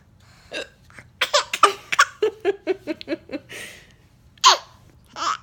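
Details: An infant gives a run of quick, rhythmic laughing bursts, then two sharp, abrupt catches of breath typical of hiccups; finding: hiccups.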